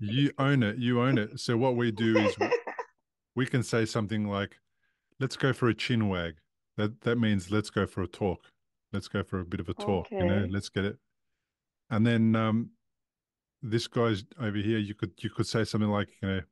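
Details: Adult man speaking; typical speech.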